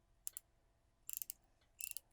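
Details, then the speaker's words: Three brief bursts of sharp metallic clicks as a ratchet wrench drives a 3.7 x 13 mm Legacy 2 implant into a right central incisor osteotomy on a model (simulated demonstration), before finishing with a hand tool; dental implant ratchet clicking. "i'm going to demonstrate the ratchet followed by the hand tool to finish it off so we will go into our osteotomy"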